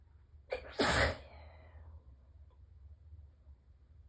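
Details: A short intake of breath, then a single forceful morning allergy sneeze, partly muffled by tissues pressed tightly to the face; allergic sneezing.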